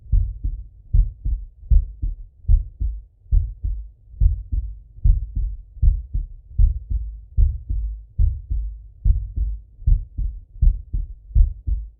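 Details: Heart sounds of a male lying on his left side, via stethoscope: steady lub-dub heartbeat, about 75 beats a minute, regular rhythm.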